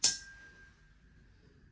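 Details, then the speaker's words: Rinne hearing test during an ear exam: sharp strike, then a pure ringing tuning fork tone fading over about a second; result air conduction greater than bone conduction, no sensorineural loss, Weber without lateralization. "Now we're gonna check for Reiner. Tell me when you don't feel it, hear it anymore."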